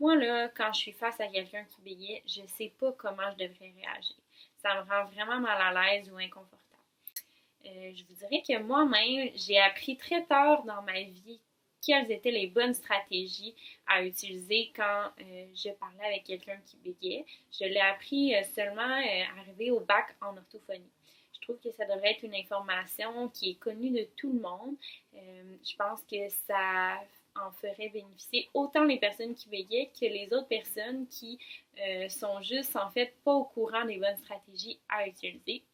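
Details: Adult woman; typical speech.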